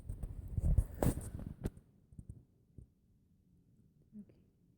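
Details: One-day-old newborn sneezing: a brief noisy burst, then quiet and a soft coo.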